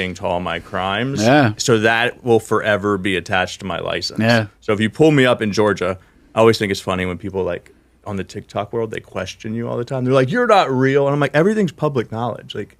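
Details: Adult man speaking; Normal conversational speech.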